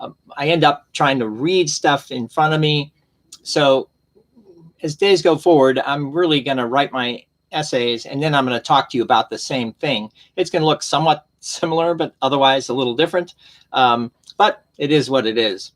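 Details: Aphasia in an adult man almost eight years after a stroke, who can 'see' but has trouble 'saying' and initially could not order at restaurants.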